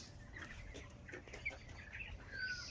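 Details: Chickens with a cold affecting their airways; clucking with short, sharp, sneeze-like snicks: respiratory snicking in poultry.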